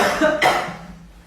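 A quick indrawn breath followed by a single sharp, explosive burst that fades out; a sneeze.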